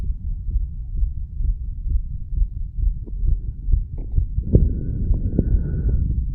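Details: Heartbeat of a 34-year-old male after smoking nicotine and "green stuff", recorded over the mitral area: fast, rapid low thumps with some handling noise toward the end.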